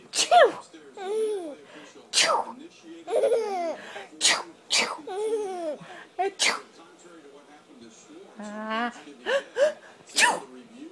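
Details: Three-month-old infant's first laughs: several sharp adult sneezes from his mother, each followed by the baby's high-pitched giggles and coos.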